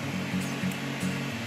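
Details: Canta V5-WN-NS 5-litre oxygen concentrator with built-in nebulizer, just switched on with nasal cannula attached and flowmeter set: steady low motor hum with soft rhythmic pulsing about twice a second, running normally.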